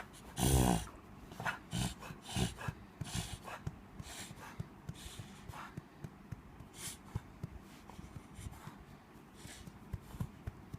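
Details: A dog named Tommy wheezing for air: a loud, whistly strained breath, then repeated noisy, effortful breathing.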